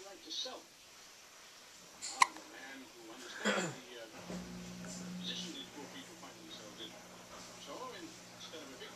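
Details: A couple of sharp, brief hiccups over quiet room noise and a low background hum.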